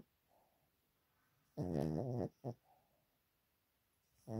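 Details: Pet dog snoring in sleep, owner considering vet check of his breathing: one loud, deep, buzzing snore with a short snort after, then quiet breathing; snoring.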